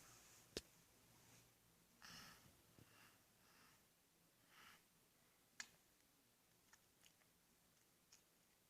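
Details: Awake, sporadic teeth grinding (bruxism) in a girl with 4q21.22 microdeletion syndrome who uses a silicone splint: scattered sharp clicks and brief gritty scraping of teeth in a quiet room.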